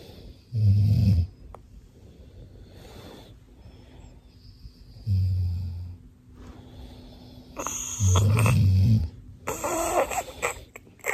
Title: Funny Baby copies dad’s snore 💤